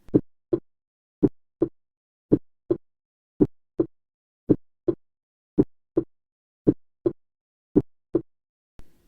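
Regular paired lub-dub heart sounds at about 55 beats a minute with quiet gaps and no murmur.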